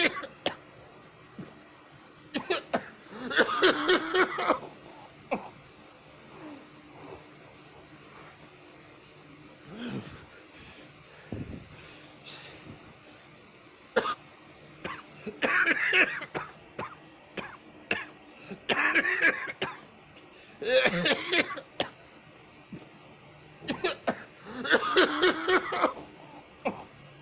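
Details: A woman and a man cough badly, with repeated harsh, noisy coughing bouts, quiet gaps and faint clicks between them.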